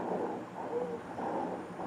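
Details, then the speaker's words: Continuous musical whistling over the breath sounds, a wheeze pointing to narrowed airways, played as an example of adventitious lung sounds in a nursing vital-signs lecture. "ये we sound है। Continuous continuous sound आपको सुनाई दे रहा है।"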